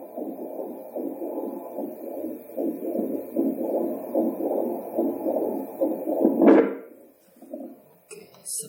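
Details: Handheld fetal Doppler being repaired after a broken probe connector cable caused no sound: rapid, whooshing, pulsing sounds, then a loud knock and near silence; fetal Doppler heartbeat sound.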